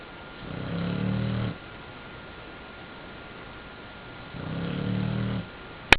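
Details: Two rattling snores about 4 seconds apart over a steady background hiss; ordinary snoring during sleep.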